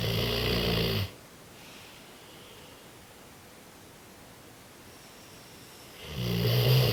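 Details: Sleeping French Mastiff dog snoring: loud, rough, vibrating snores on breathing in, separated by about five seconds of quiet.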